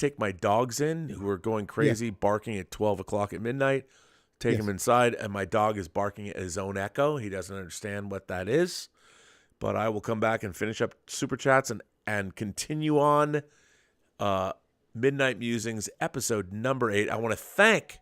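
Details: Adult male speaker; normal speech.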